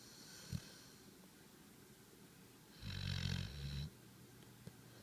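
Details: Snoring while asleep with tongue out: one loud, rough, low rattling snore lasting about a second, quiet room noise around it.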